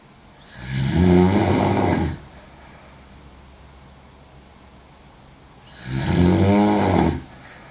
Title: Sexy Girl Snoring SO LOUD